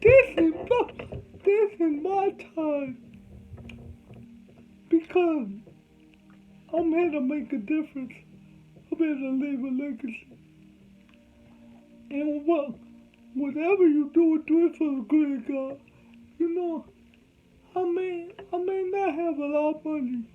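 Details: Adult man with cerebral palsy, whom doctors said would never talk; dysarthria (cerebral palsy).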